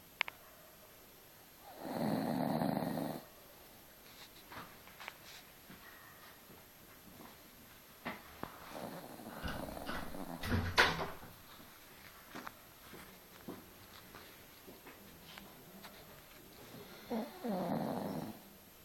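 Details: Sleeping dog snoring: two loud rough snores about fifteen seconds apart, quieter breathing noises and small sounds between, quiet room.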